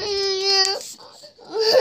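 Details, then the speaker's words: Sick young boy who just had a bath and isn't feeling okay cries in a sustained, whining wail, then sobs and catches breath before crying again. "oh so much going on right now land then can you explain to me why are you i crying"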